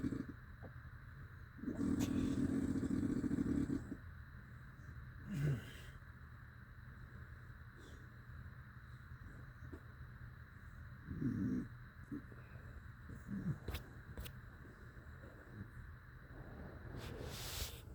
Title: 5 minits of strate snoring sounding like a dirtbike